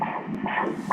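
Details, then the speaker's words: Fetal Doppler at 32 weeks of pregnancy: rhythmic whooshing pulses of the fetal heartbeat at 137 beats per minute, within normal range; fetal heartbeat. "Heart rate, 137 beats per minute. 137? Yes. I thought he was about 120, he must be so weak, poor thing."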